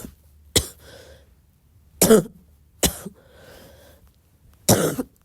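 Four separate coughs with a loose, rattly quality; a wet, productive cough.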